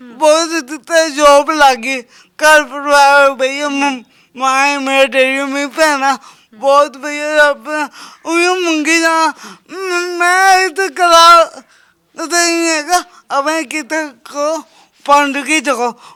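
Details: Young Sikh man with a disabled hand and a speech problem present since birth, described as stammering; speech impairment with unclear articulation.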